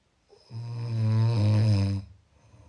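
One loud, low, rattling snore lasting about a second and a half, then quiet.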